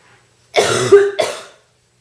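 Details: Girl with a bad cold, real and natural coughing: two harsh, forceful coughs in quick succession, the first with a hoarse voiced tail; deep, chesty, painful cough.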